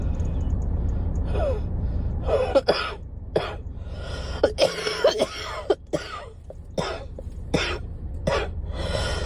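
Repeated short cough and throat-clearing bursts over steady low background rumble; coughing.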